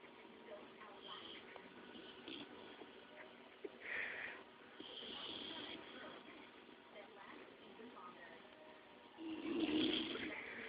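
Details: Boxer dog snoring while asleep: a few noisy, rasping breath sounds against quiet room hiss.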